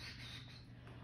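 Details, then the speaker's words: Wall suction switched on and tested before tracheostomy suctioning on a patient with breathing difficulty, pressure set between 80 and 120; brief steady hiss with low motor hum, working normally. "I'm going to turn on my suctioning making sure that it's sitting between 80 and 120 and then I'll test that really quickly my hands are clean I'm gonna test that sectioning"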